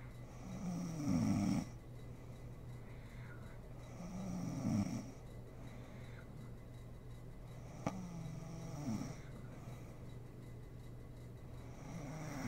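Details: Sleeping mother snoring in a home ASMR recording: three low, rattling snores on inward breaths, about 15 breaths a minute, with a steady low room hum between them; snoring in sleep.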